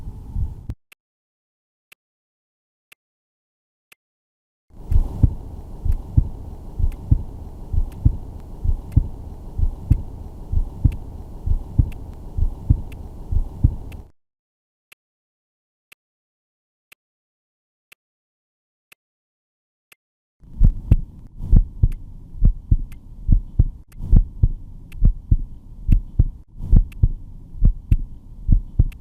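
Regular low heart thumps through a stethoscope, about 66 beats a minute, with gaps of silence between listening periods.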